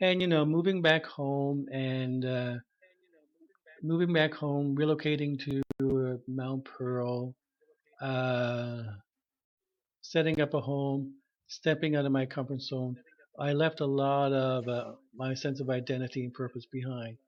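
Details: Stuttering in an adult man who had severe stuttering; he has not used his speech targets since retiring. Conversational speech.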